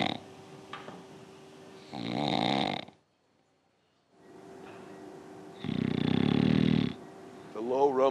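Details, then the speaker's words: Snoring played as an example during a lecture on healthy sleep covering obstructive sleep apnea: two low, rough snoring breaths with a quiet gap, then a brief rise of voice or music. "I mean, somebody's got to be sleeping with this noise every night. Yeah. Right. Well said. It's I like to say that the timber, the frequency, the tone is almost like a fingerprint."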